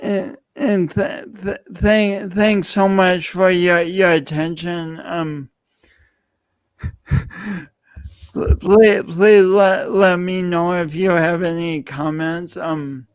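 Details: Adult male speaker; speech impediment.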